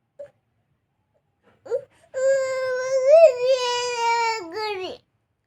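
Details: A young child lets out one long, high-pitched wailing cry after a couple of brief whimpers. Child crying.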